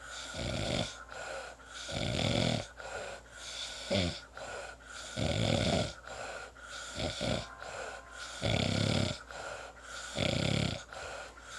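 Rough, rattling snores with quieter breaths between, roughly 18 to 19 breaths a minute; steady snoring during sleep.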